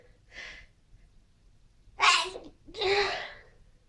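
A soft inward breath, then two forceful sneezes in quick succession; ordinary sneezing, with a quiet room behind.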